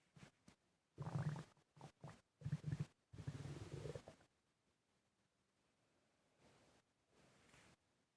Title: Heavy breathing and stomach gurgling